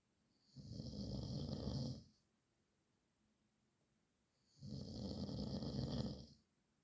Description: horlama sesi gecelerimin kabusu horultu sesi